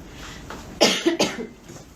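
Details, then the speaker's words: Girl who remarks on how bad her cough is: two quick, harsh coughs in a row over faint room noise, a plain cough. "Nossa, tô na tosse esse tamanho ãha."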